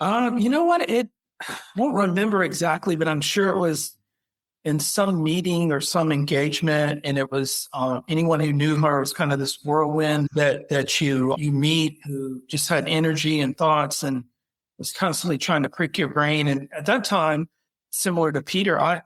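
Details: Adult man speaking; normal speech.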